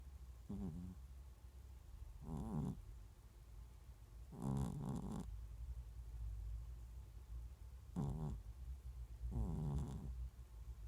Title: Snoring Catㅣ코고는 고양이